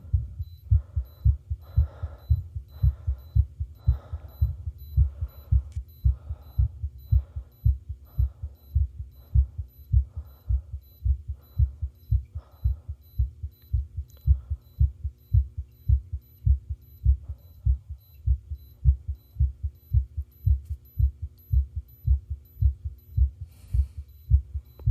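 Steady, regular low heart thumps from an adult chest, with a faint electronic hum behind.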